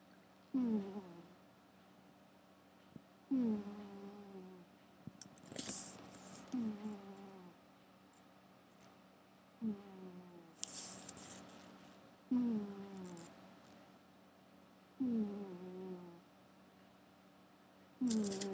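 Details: Gary the cat snoring while asleep: repeated nasal, whistling sounds with each breath, roughly 22 breaths a minute, with brief rustling between.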